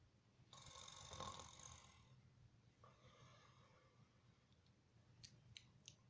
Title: Son's reaction to father #snoring